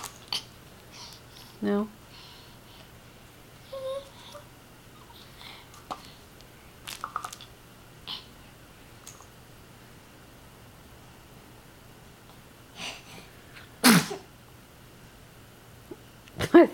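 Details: Soft singing-like vocal sounds to toys in a quiet room, then one sharp sneeze burst near the end: sneezing.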